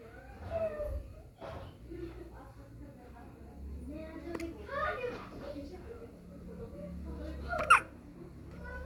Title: Hiccups #cute #baby #babygirl #adorable #hiccups #newborn